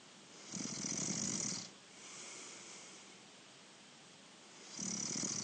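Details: Younger brother snoring during sleep: two loud, rough snoring breaths about four seconds apart with a quieter breath between them; ordinary snoring.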